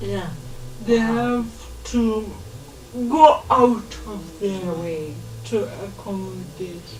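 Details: Dysarthria in a 27-year-old woman who has lived all her life with cerebral palsy, in a real, unscripted conversation.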